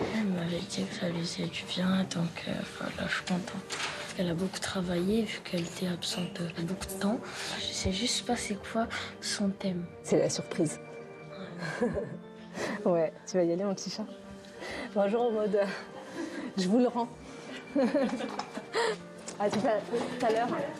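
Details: Stuttering in a woman, a triathlete, who has stuttered since early childhood, especially on the letter R, certain numbers, syllables and consonants.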